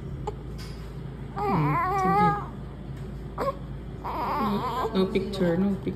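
Two short bursts of a newborn's crying with rising and falling pitch, a brief pause between them, in a quiet room.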